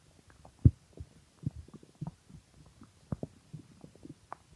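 Irregular low gurgles and rumbles from the belly, loud bowel sounds of an empty, hungry stomach.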